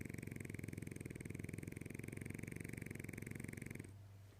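Rapid, buzzing, fluttering snore from a small flat-faced dog, steady for a few seconds before easing; snoring.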